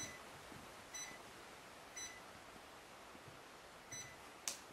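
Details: External pacing with a ZOLL R Series defibrillator: short high monitor beeps about once a second over quiet room noise.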